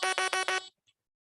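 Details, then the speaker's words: Electrolarynx mode-change beeps, made by pressing the power and mode buttons together: a quick run of buzzy beeps, four for mode four. "So, you can hear mine. And then it just did three beeps for you. So, um, that means I'm in mode three."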